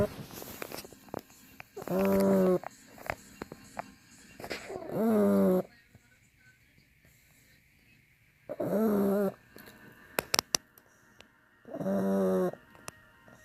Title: Penelope Pug snores are loud